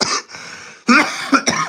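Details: A person who is sick and still recovering, during a casual chat stream: a few short, harsh cough bursts with some throat clearing; brief cough.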